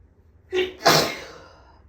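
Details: A single sneeze, a brief sharp in-breath then an explosive burst that fades, after waking from a nap with a headache and watering eyes; dust allergy sneezing, with a dirty air filter suspected.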